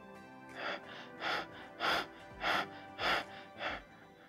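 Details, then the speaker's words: Imitation of Biot's breathing: six quick, heavy breaths in a row, a burst of hyperventilation between periods of apnea. "so bjord's breathing pattern is described as hyperventilation preceded and followed by a period of apnea and it goes something like this"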